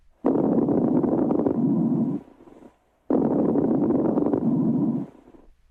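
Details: Coarse crackles heard on chest auscultation in a clinical OSCE thorax and lung examination demonstration.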